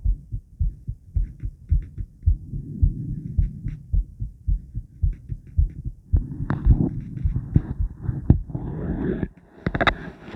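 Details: Woman's own heartbeat recorded before exercise, after 50 squats and during recovery; steady, regular, fairly quick low thumping with louder rubbing and handling noise in the second half; normal heart sounds.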